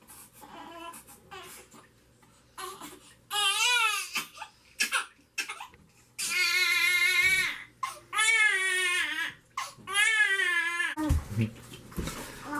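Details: Healthy 3-week-old (3 weeks 2 days) newborn boy, hungry, around his first bath: loud, high-pitched crying in repeated bursts with short gasps between, in a small room.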